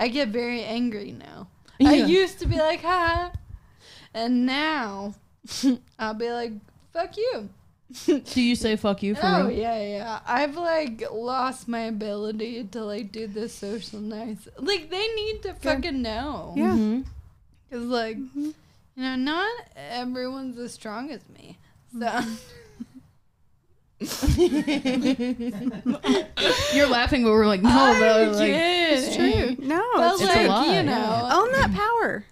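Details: 26-year-old woman with Friedreich's ataxia, a progressive genetic nervous-system disease affecting coordination and walking; ataxic dysarthria.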